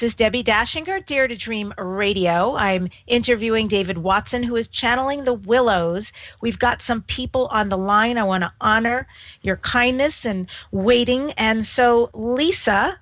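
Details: Adult woman speaking; no voice disorder.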